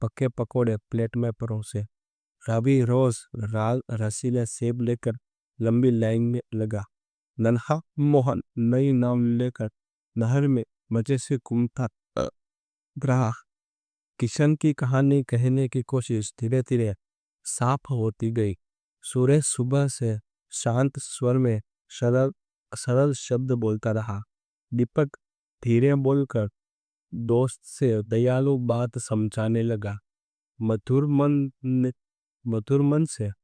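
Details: Adult man who stammers, speaking Hindi, doing daily stammering practice for about a month and reporting limited control despite it; stuttering.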